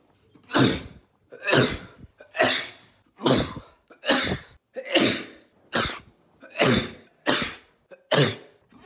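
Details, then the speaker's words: Man recording his own everyday sneezes on a phone: ten sharp, explosive sneezes in quick succession, each a forceful burst of air; ordinary sneezing. "I just I just decided one day in the 13th of November 2019 that I was gonna start recording myself every time I sneezed obviously sometimes I didn't have my phone on me so I couldn't record it"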